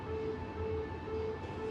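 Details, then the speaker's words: Training AED on a simulated adult patient during a CPR exam: repeating two-tone electronic alert after analyzing heart rhythm, shock advised, voice prompts "Do not touch the patient. Everyone clear. Press the flashing shock button" while awaiting shock. "Do not touch the patient. Analyzing heart rhythm. Shock advised. Do not touch the patient. Everyone clear. Press the flashing shock button."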